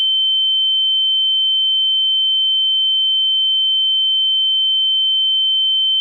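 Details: A steady, pure high-pitched tone held unchanged: a simulated tinnitus ringing, as a sound effect.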